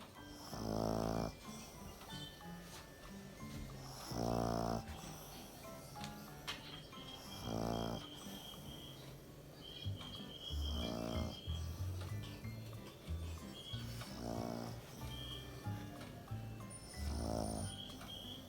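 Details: Sleeping pug snoring loudly, owner wondering whether dogs can have sleep apnea; rattling snores about 17 a minute with background music.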